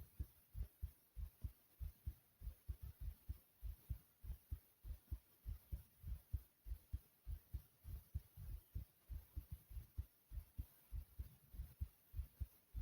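Steady paired low thumps at about 98 beats a minute over a faint hiss; a regular heartbeat.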